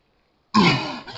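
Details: A single rough, voiced throat-clearing burst after silence, from a person who had hiccups; throat clearing.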